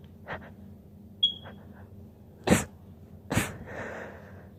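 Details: Female trying to hold back sneezes: a few short, stifled sneezes with quick breaths between them in a quiet room; suppressed sneezing.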